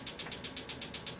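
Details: Extracorporeal shockwave therapy unit treating Achilles tendonitis, with intensity started near the patient's prior level of 12: rapid, even clicking pulses, about eight a second.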